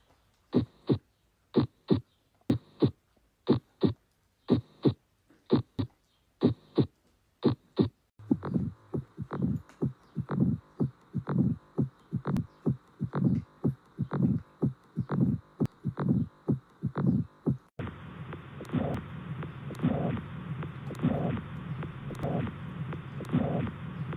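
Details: Heart sounds through a stethoscope, described as tricky by someone learning them for medical study: clear paired beats at first, then noisier passages with a steady whooshing hiss.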